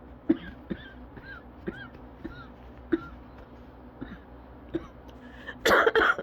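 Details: Cough variant asthma attack: a run of short dry coughs, about nine in six seconds, with squeaky whistling breaths between, ending in louder coughs.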